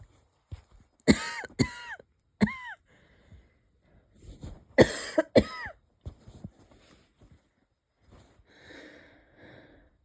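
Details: Several light coughs and throat clears with a faint wheezy, whistling edge, then soft breathing; wheezy cough in a person unsure whether it is a cold or an asthma flare-up.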